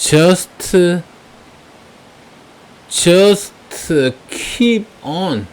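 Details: Deliberate, voluntary stuttering while reading aloud in English, with some sounds purposely repeated; voluntary stuttering.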